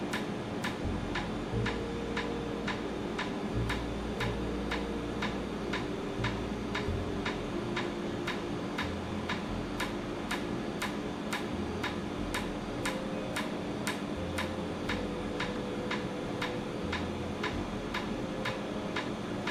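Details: Laser tattoo removal session in Jamaica, after 30–45 minutes of numbing: sharp regular clicks about twice a second over a steady fan hum, with faint talk, as the tattoo removal laser fires. The patient says it feels like repeated injections.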